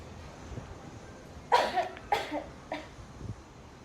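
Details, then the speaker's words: Demonstration of the effective cough technique: after three slow breaths in through the nose and out through the mouth, two forceful, deliberate coughs and a softer third, meant to move phlegm from the larger airways out through the mouth. "kemudian lakukan batuk sebanyak dua kali Pak harus batuk dua kali batuk pertama bertujuan untuk mendorong dahak dari saluran napas yang lebih besar"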